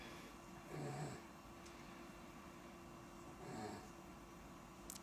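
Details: Child in hospital, just moved out of pediatric ICU, asleep after 7 p.m. Ativan, on oxygen with lungs not fully recovered: new snoring she never had before, from swelling of her vocal cords and airway that makes airflow harder.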